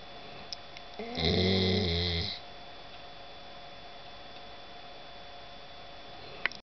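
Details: A very tired dog asleep after travel and a dog show gives one loud, rumbling snore, then the room goes quiet; ordinary sleep snoring.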